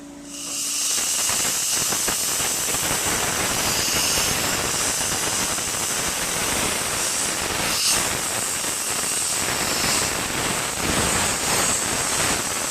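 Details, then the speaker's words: Dental air polisher in use for tooth stain removal, spraying pressurized air, water and sodium bicarbonate slurry: steady loud hissing spray. "the air polishing procedure it's prudent to use some lubricant on a patient's lips it protects them and also is a little bit more comfortable"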